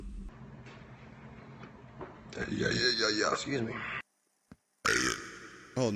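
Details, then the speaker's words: Adult male burping during interviews in a compilation; says burping isn't rude in his Polynesian-side family. Loud, drawn-out voiced belches, abruptly cut between segments, with brief talk. "so if you burped the loudest that meant you were the most grateful for the meal burping is not seen as rude in my family it's okay you burp and you talk with it you say third you as your burping"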